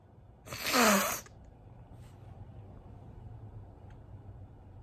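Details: Induced sneezing ("how to sneeze nonstop"): one loud, explosive sneeze, then quiet room noise.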